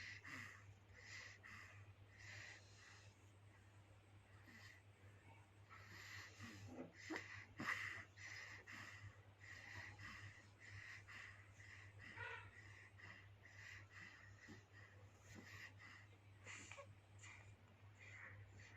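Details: Rapid, noisy newborn breathing with snorty, wheezy, congested sounds on each breath over a steady hum.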